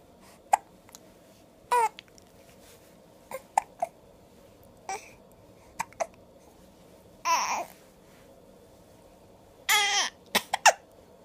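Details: An 8-week-old infant hiccups repeatedly, with short, sharp hiccups about ten in eleven seconds, mixed with soft coos and squeals: hiccups.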